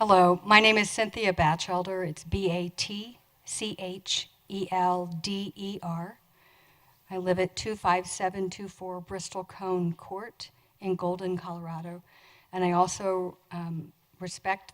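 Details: Adult woman speaking; Normal speech.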